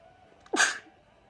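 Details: Person sneezing, attributed to dog allergy after sleeping in bedsheets a dog had played in; a single quick intake of breath followed by a sharp, explosive sneeze.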